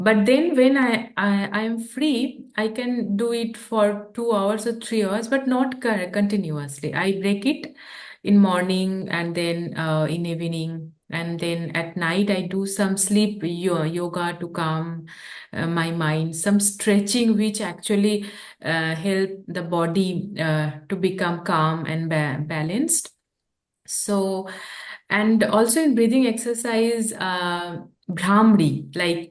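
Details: Adult woman who stammers, a real speaker who practices yoga and deep breathing, speaking English while translating a poem; stammering.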